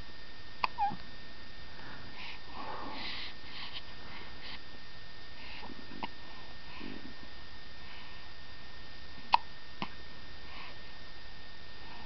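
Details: Three days old, likely a pet: a few sharp, brief catches spaced apart in a quiet room; hiccups.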